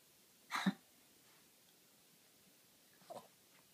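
Two short explosive coughs, the first loud and the second softer, in a quiet room.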